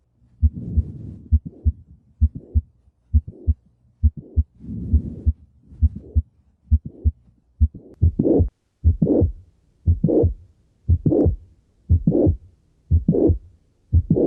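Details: Cardiac auscultation, regular rhythm near 67 beats per minute: a sharp click in mid-to-late systole is followed by a late systolic murmur. Mitral valve prolapse.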